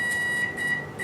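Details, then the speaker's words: High steady electronic tone with brief beeps from a hyfrecator wand vaporizing skin while marking the border of a mole on the lower leg of a 29-year-old woman. "so this is the high procat wand and as you can see just touch it against the skin now and you can see it's vaporizing the tissue as I touch it"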